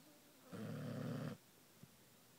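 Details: Female ("girl") sleeper snoring: a single low, rumbling snore lasting under a second on a quiet background, then silence.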